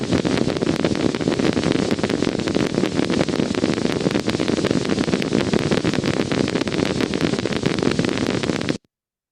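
Steady crackling clicks over static on needle EMG: moderate (2+) fibrillation potentials, a sign of muscle fiber irritability.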